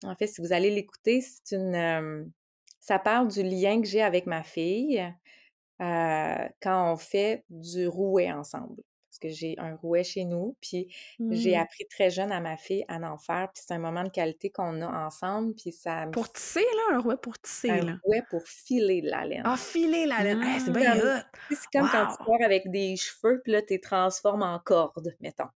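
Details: Adult woman, a speech-language pathologist who stutters, speaking French in conversation; stuttering.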